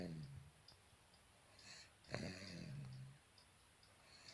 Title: Bubs snoring